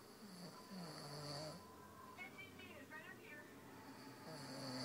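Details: Low, rough, drawn-out snoring described as very loud, over steady room hum, with brief tonal whistles between breaths; ordinary snoring.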